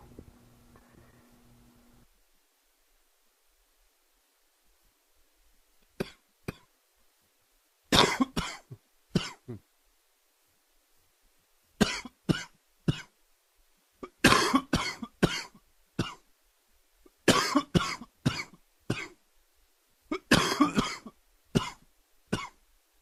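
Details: Adult with a summer common cold giving repeated short, dry-sounding coughs in clusters.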